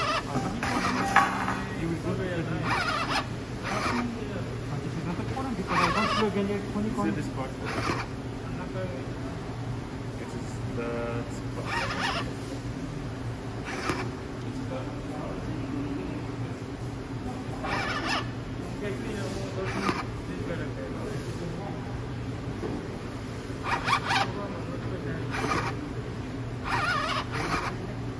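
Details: DIY COVID-19 emergency ventilator without tidal flow or absolute pressure control: steady low motor hum with repeated short hissing puffs as it cycles; mechanical ventilator running.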